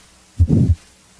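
Two heartbeats, each with a low rumbling murmur swelling then fading between the heart sounds: a crescendo-decrescendo murmur of aortic stenosis.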